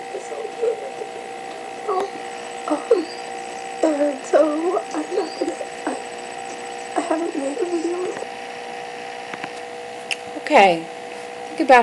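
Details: Woman with laryngitis, hopefully temporary, with swollen vocal folds; pitch too high as compensation, and aphonic when lowering pitch; laryngitis voice (high pitch, intermittent aphonia).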